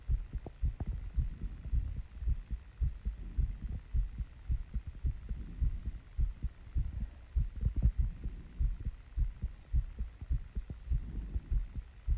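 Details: Female, own heartbeat after running and squats, heart slowing down: quick, steady low thumps roughly 105 a minute with a faint hum; fast heartbeat after exertion.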